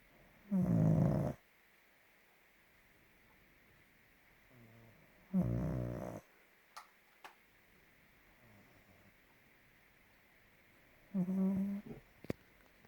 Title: Mia the pug snoring very loud !!!!